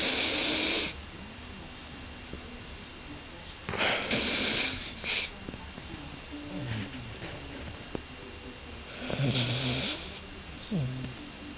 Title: snoring.AVI